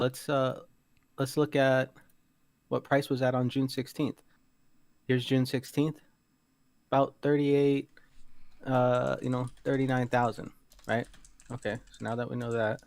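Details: Adult male speaker; Normal voice.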